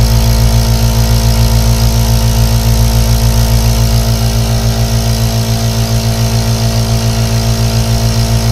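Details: 3D ASMR aerosol nebulizer compressor running continuously as white noise for sleep: a loud, steady motor hum with rapid regular pulsing and a continuous hiss.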